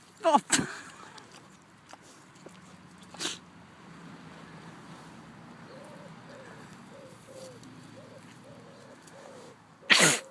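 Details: Little Swedish pigs rooting about, then several sharp, explosive snorting sneezes with quiet snuffling and grunting between bursts: sneezing.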